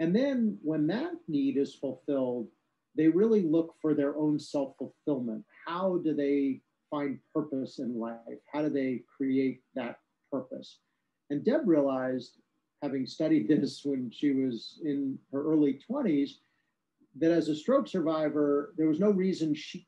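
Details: Adult speaker; normal speech.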